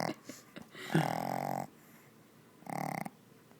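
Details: Sleeping short-snouted Shih Tzu puppy snoring, said to barely breathe: two buzzing, fluttering breath noises through the nose with quiet gaps between them.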